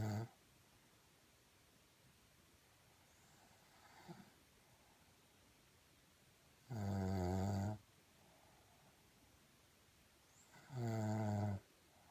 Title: Mom mom snoring